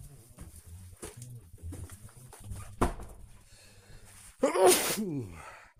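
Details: Male adult's natural random sneeze recorded on a smartwatch, not ill and not in allergy season: muffled rustling, then one sudden explosive sneeze with a trailing breath; an ordinary, harmless sneeze.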